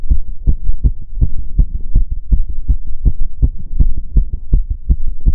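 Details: Person's own fast heart sounds during step-up exercise, regular heartbeat about 170 beats a minute with paired thumps close together; normal exertional rapid heart rate.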